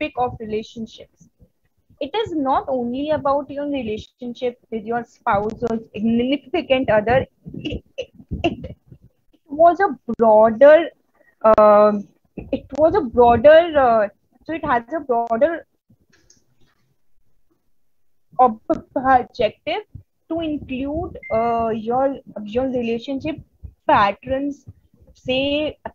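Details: Real stuttering in a woman from India who stutters, a stammering-association member giving a conference talk on women and stuttering: stuttering.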